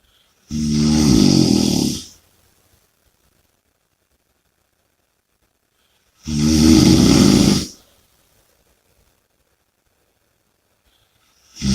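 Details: Two loud, rough, rattling snores on the in-breath, about six seconds apart, with quiet pauses between; heavy snoring.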